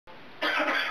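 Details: African Grey parrot (female) imitating a human cough: a single harsh, noisy burst after a brief quiet moment; mimicked cough, not a real one.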